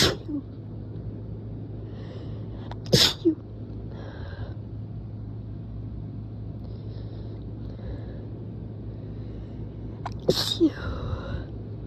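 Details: Induced sneezes after a few days of a tickly nose: two sharp, explosive sneezes, each preceded by a quick intake of breath, over traffic rumble.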